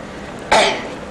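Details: A little boy's single abrupt, explosive sneeze-like burst of air fades quickly against steady outdoor background noise, recorded on a cruise ship beside Hubbard Glacier; labelled cough.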